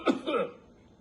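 A short, dry, throaty cough with a throat-clearing quality, typical of a cough set off by throat irritation.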